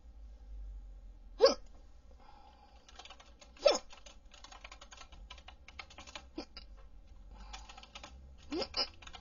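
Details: Four sharp, abrupt hiccup sounds at irregular intervals over about nine seconds, with faint tapping in the background; hiccups.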